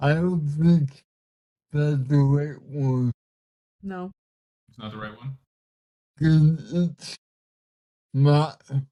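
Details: 32-year-old man with cerebral palsy, speaking in a real conversation; dysarthria.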